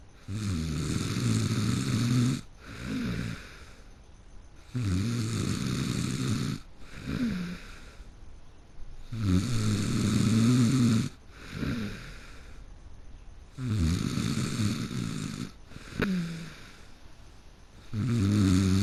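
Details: Person who fell asleep in the middle of a game: loud, rumbling snores at about 14 breaths per minute, with quieter breathing between; heavy snoring during sleep.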